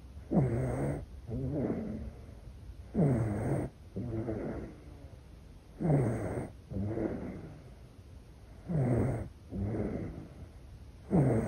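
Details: A baby in deep sleep with regular rattly snoring on both breathing in and out, about ten breaths a minute; ordinary infant snoring.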